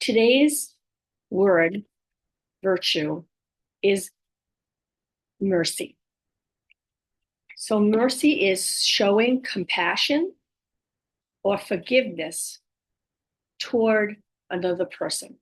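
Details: Woman with aphasia and apraxia of speech after a stroke at age 58; she reports speech sometimes hard to understand, repeating words over and over to get them out and sometimes saying wrong words; aphasia with apraxia of speech.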